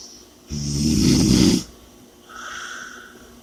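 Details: One loud, rough snore on the in-breath, then a softer hissing out-breath; snoring from vibrating upper-airway tissue during sleep, with heavy breathing.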